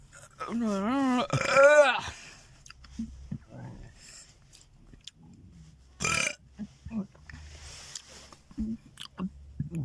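A long, loud, voiced belch rising and falling in pitch, followed by quieter throat and mouth noises: burping.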